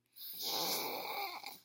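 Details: Mother snoring: a single long, rough, rattling breath sound, the noisy vibration of an ordinary snore.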